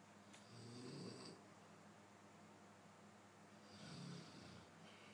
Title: snoring sound with no special effect 3mns